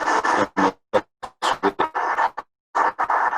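Crackling bursts of neuronal firing from a brain microelectrode, marking the movement-responsive sensorimotor zone of the target nucleus during deep brain stimulation surgery.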